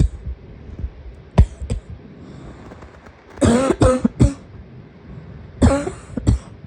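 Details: Coughing fit said to be set off by a wheeze: bursts of harsh coughing in clusters, with a few softer throat sounds between them.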